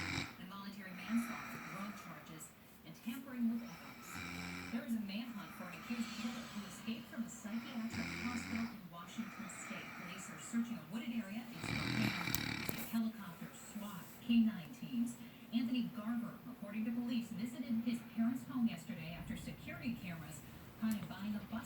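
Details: A sleeping woman snores: rough snores repeating every few seconds, about 16 a minute, with television talk in the background.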